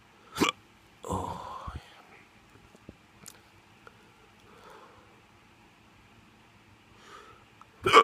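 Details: Drunk hiccups: two or three brief, abrupt gulping bursts with soft breathy sounds between them.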